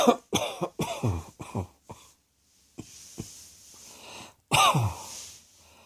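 A quick run of about eight coughs, a pause with faint breathing, then a single forceful cough; repeated coughing.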